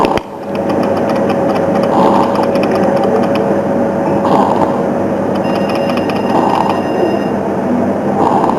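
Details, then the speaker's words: Harsh, noisy breathing in an infant or child with recurring coarse surges: stridor from endoscopy-confirmed subglottic stenosis (narrowing below the vocal cords). The child presented like an earlier laryngomalacia case. "Now, this is another patient who had presented with a similar fashion, but the endoscopy done showed up subglottic stenosis."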